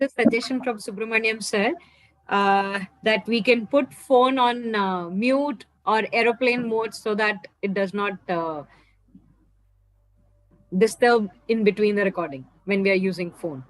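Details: Adult woman speaking; ordinary speech.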